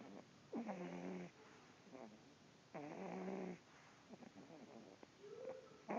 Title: Dog snore